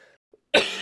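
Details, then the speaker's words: A person recovering from an illness with congestion, coughing some of it up: a single abrupt, harsh cough burst after a brief quiet pause. "I'm doing a lot better IR you can hear me coughing and getting some of the congestion out"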